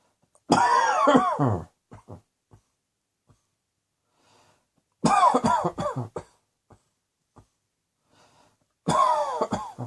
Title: Cross Dressing Coughing 27